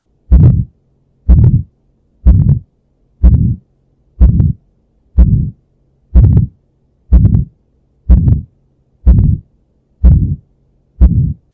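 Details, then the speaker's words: Pathologic murmur in a child or teen, aortic stenosis type, heard at the right upper sternal border: loud, harsh murmur with each regular beat, about 62 a minute. "you're listening up at the right upper sternal border and you hear a murmur it's loud so not reassuring"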